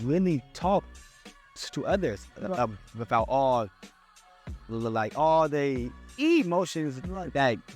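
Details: Adult man who stutters and still struggles with his speech impediment, speaking on a podcast; stuttering.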